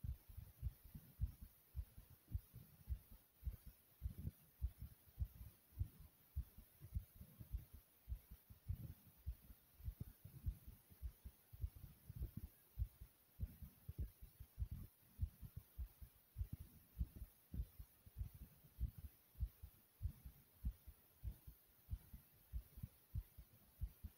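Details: Own heartbeat recorded after jumping in place, with heavy breathing: rapid, steady heart thumps at about 100 beats a minute; fast heartbeat after exercise.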